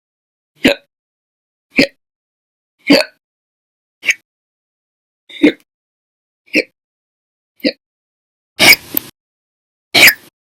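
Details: Nine short, sharp gulping hiccups in about ten seconds, roughly 44 a minute and somewhat uneven, the last two louder and harsher; repeated hiccups.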